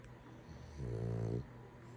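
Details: A man sleeping gives a single low, droning snore on a breath in, lasting under a second; ordinary snoring.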